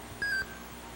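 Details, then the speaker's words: Intraoperative facial nerve monitoring during otologic surgery, with the stimulator touched to soft tissue: a brief electronic warble tone from the nerve monitor, confirming current is flowing and the setup is reliable. "and that tells us that current is indeed flowing if you touch anywhere on soft tissue and you do not hear the warble tone then the stimulator or the monitor are not correctly set up and it cannot be relied on"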